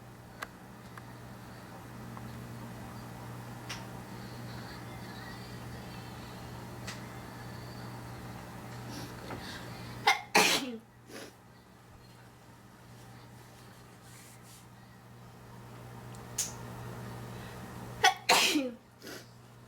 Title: Induced Sneezing #1